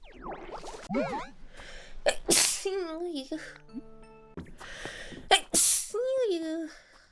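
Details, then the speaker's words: VTuber sneezing twice loudly and sharply during a stream, each sneeze preceded by a quick intake of breath, between talk and over light background music, then apologizing for sneezing. "あ、くしゃみ出失礼しました。"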